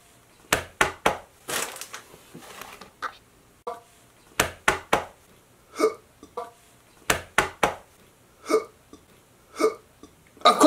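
Repeated short, abrupt voiced gulps at irregular intervals, about a dozen over ten seconds, typical of hiccups.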